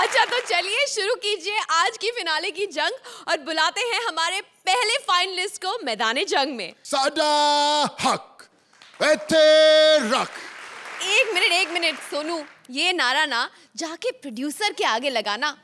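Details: Adult stage performers, female and male; ordinary speech.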